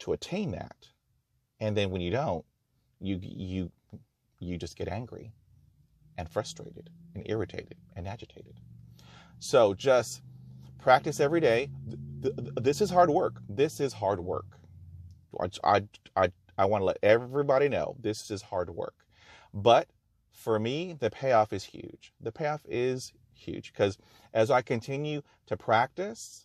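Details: Real stuttering in a person who stutters, speaking in his own talk about stuttering; he notes there is no cure, only therapies and techniques to manage fluency.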